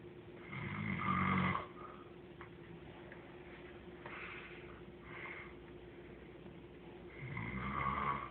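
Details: Loud rattling snoring on in-breaths, about three in eight seconds, with quiet breathing between; ordinary snoring.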